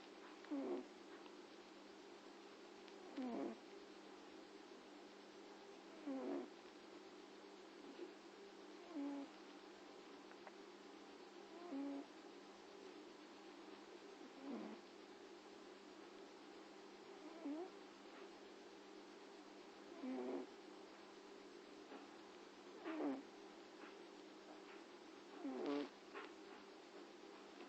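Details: Snoring from a sleeping cat: soft, rhythmic bursts at about 20 to 22 breaths a minute.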